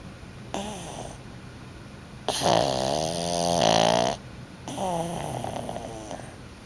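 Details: Pug snoring, sleep apnea mentioned: pitched, whistling snores on three breaths, the middle one long and loud, in a quiet room; snoring.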